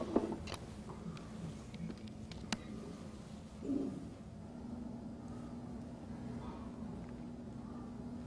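Over a steady low hum, brief abrupt grunting bursts break out, with one near the middle and a louder one at the end. These are vocal tics of Tourette syndrome.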